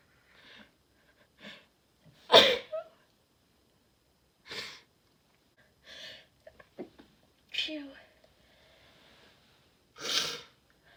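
Three loud, explosive sneezes among softer breathy sounds and short vocal noises.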